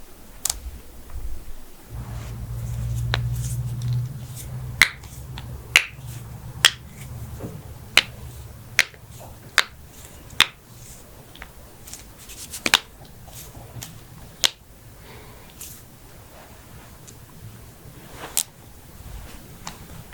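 Series of sharp, dry pops and clicks from joints being cracked, with a low rumble early on.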